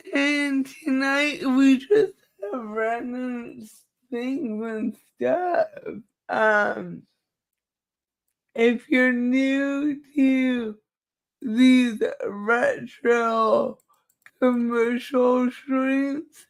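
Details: Dysarthria in a female speaker who states it is due to cerebral palsy and that nothing can be done about it.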